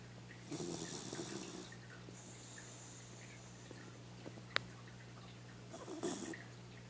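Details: 6-month-old pit bull mix dog snoring: two soft snorting snores about five seconds apart over steady background hum.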